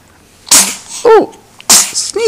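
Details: Baby girl in the morning: two sharp, hissing infant sneezes, each followed by a short squeaky vocal sound; she also has hiccups and burps in the same recording; ordinary infant sneezing.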